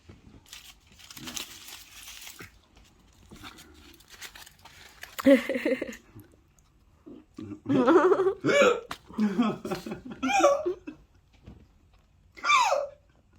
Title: Hilarious hiccup challenge after eating spicy food#spicyfood #hiccupchallenge